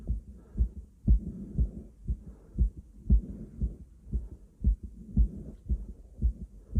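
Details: Self-auscultation of own chest with a stethoscope during heavy breathing: steady, regular low heartbeat thumps with soft breathing noise underneath; heart sounds.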